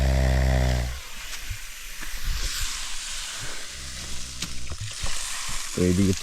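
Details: Man asleep at night at an island fishing camp in the Andamans, recorded close to his face: loud droning snores at start and end with crackling outdoor background noise between; ordinary snoring.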